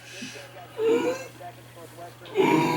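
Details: Inspiratory whoop of pertussis in a 14-year-old during a nighttime coughing attack, occurring 5–6 times a night for 3 weeks: strained, high-pitched crowing breaths drawn in after coughing.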